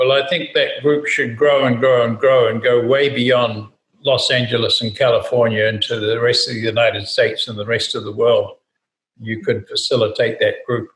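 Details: Adult male speaker; normal speech.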